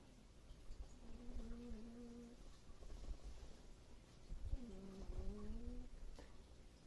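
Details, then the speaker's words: Two drawn-out, low, buzzing tonal breaths from a sleeping cat over quiet room noise; loud cat snoring. "so do not know what's near and yes the noise you can hear in the back is the cat snoring"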